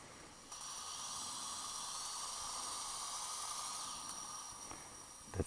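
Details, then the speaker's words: Implant site preparation after extracting an upper central incisor with a fractured root: steady high-pitched whine of a twist drill; dental implant drill. "next drill two eight two four twist drill okay i'm gonna use this also full length full length plus three millimeters"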